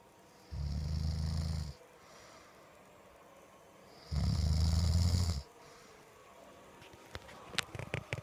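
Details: An adult woman, a wife who claims she does not snore, snoring: two loud, low rattling snores about three seconds apart with quiet pauses between them.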